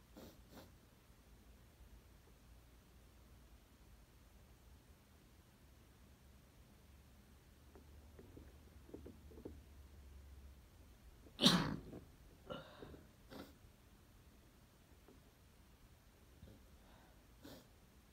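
A quiet room, then one sharp, muffled sneeze burst followed by a few softer nasal puffs: a stifled sneeze.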